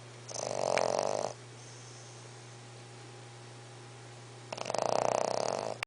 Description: english bulldog puppy snoring